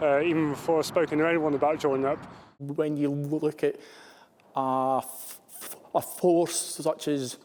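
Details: Stammering in a male serviceman pursuing a military career; he was the only one in his intake who stuttered. Interview pauses were left unedited.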